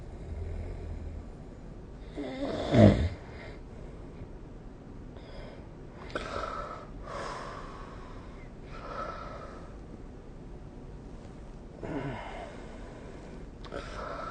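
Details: Snoring recorded with the SnoreLab app: quiet noisy breathing with one louder rattling snore and several fainter snoring breaths over steady room noise.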